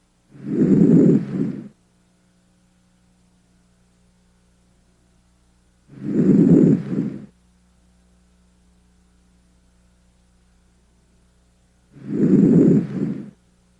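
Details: Three slow, deep breaths through a stethoscope over the anterior chest during a systematic auscultation demonstration, patient breathing deeply, soft and even: normal breath sounds.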